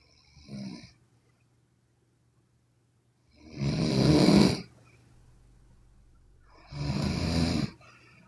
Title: Sleeping Chinese Women Snoring (CWN) Part 3